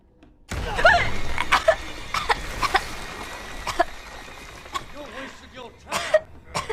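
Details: Adult woman coughs in a run of about ten sharp bursts after choking while frightened: a coughing fit.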